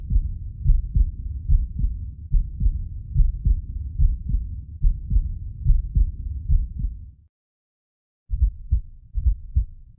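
Regular low heartbeat about 71 a minute with a split second heart sound, a normal finding.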